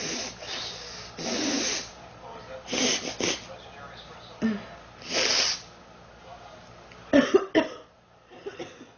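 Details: Girl who says she is sick, feels hot and mentions 3 weeks: repeated harsh coughs and hoarse throat-clearing between breathy groans, ending in a quick burst of coughs, persistent cough.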